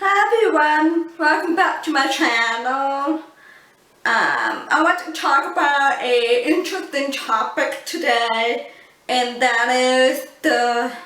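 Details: Adult woman born deaf who uses cochlear implants and learned to speak English through speech therapy; people often mistake her deaf accent for a foreign accent; deaf speech.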